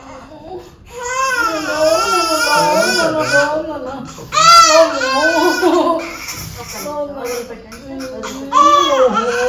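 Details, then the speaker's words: Newborn on day 2 after birth crying loudly in high-pitched bursts during a vaccine injection given slightly deeper, with adults soothing nearby; vigorous newborn cry. "ఇది కొంచెం deeper గా ఇస్తాను sir ఎక్కువ ఏడుస్తారు ఓ ఏం లేదు ఏం లేదు నాన్న అయిపోయింది నాన్న"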